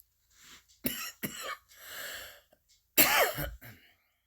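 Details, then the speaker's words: Several dry coughs and throat clearing in a quiet room right after using an inhaler: a cough triggered by the inhaler. "This is my inhaler. Yes, people, inhalers can make you cough."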